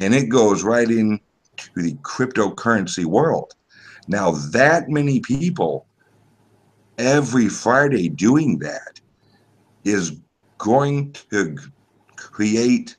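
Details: Male podcast guest's self-reported speech impediment, type not named; disfluent speech heard. Finding: speech impediment (disfluency).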